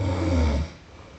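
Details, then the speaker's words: One low, rumbling snore under a second, fading into quiet room noise, from an overnight sleep-sound recording of an adult woman who wonders whether her airway is clogged; snoring. "I think like right here I'm going to enter I I'll I'll cut in some of my snoring okay okay so the snoring"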